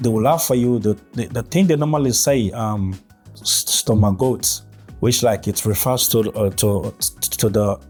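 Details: Adult man who has stuttered since early childhood, with blocks and gaps between words; natural speech; stuttering.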